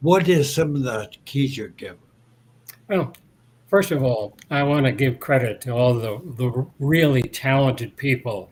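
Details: Adult man interviewed years after a 2017 stroke that caused aphasia and loss of mobility. His speech has largely recovered, but he pauses to find words, and speaking is harder when he is tired, dehydrated or agitated. Residual aphasia with word-finding difficulty.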